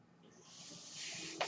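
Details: Real podcast recording in which the speaker explains that the noise heard is his own mechanical ventilator; a steady airy hiss swells over about a second and ends in a brief puff as a breath is delivered; mechanical ventilator noise.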